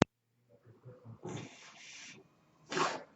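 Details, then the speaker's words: Ventilator noise heard in the background at the start of a podcast introduction; the speaker notes the noise is from his ventilator; real recording. "everyone my name is that noise hearing is by ventilator and welcome to page turners they were not my stores podcast"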